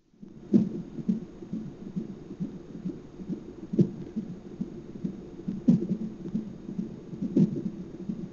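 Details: Hiccups recorded in hospital, apparently over a steady soft pulsing heartbeat: four sharp jolts roughly two seconds apart.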